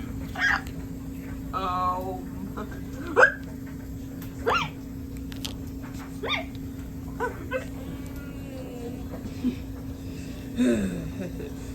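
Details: Hiccups in a dog: repeated short, jerky hiccup sounds at an irregular pace, about 45 a minute, mixed with small whines over a steady hum.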